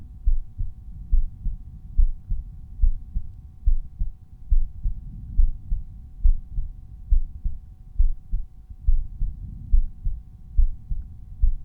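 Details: Resting heartbeat over the aortic area: steady paired low thumps at about 70 beats a minute, with a faint steady hum behind; normal heart sounds.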